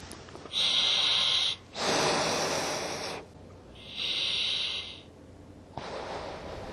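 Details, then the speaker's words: Alternating hissing airflow bursts, some whistling, as breath passes through the release valve of a mouthpiece on an Ingalit V2-01 heated oxygen-helium inhaler, used when a patient finds breathing through the mask difficult. "तो यह संभव है साँस छोड़ने की अनुमति देने के लिए मुखपत्र कनेक्ट करें । मुखपत्र एक विशेष रिलीज वाल्व से सुसज्जित है,"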